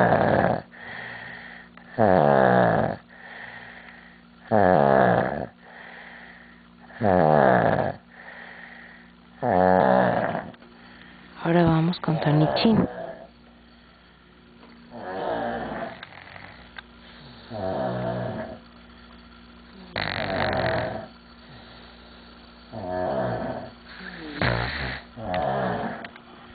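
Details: Sleeping dog snoring loudly in a steady rhythm, with rattly, buzzing breath sounds repeating every couple of seconds; the snoring causes the owner's insomnia.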